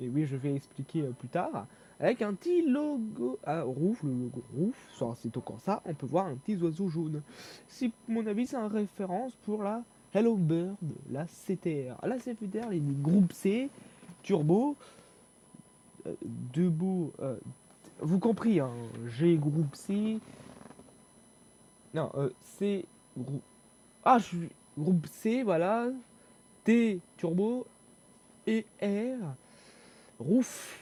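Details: Stuttering in a young male speaker who reports difficulty speaking and fear-related stress when talking.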